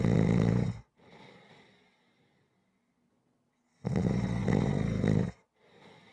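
Two loud, low, rattling snores on the in-breath, each followed by a softer out-breath and a quiet pause; ordinary snoring.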